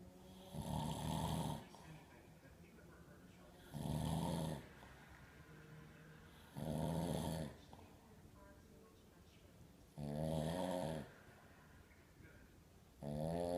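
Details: Loud rattling snores on each in-breath, about 20 a minute, with quieter breathing between, from a sleeping adult man (dad); snoring.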